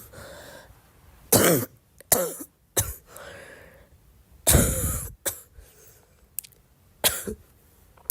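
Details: Girl coughing: six harsh, fairly loud coughs at irregular intervals over eight seconds, some paired, with a quiet room between them.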